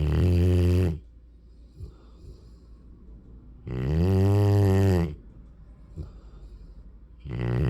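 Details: Loud, low, rumbling snores about a second long with quiet gaps between them, from a sleeping Mastiff/Rottweiler puppy; snoring.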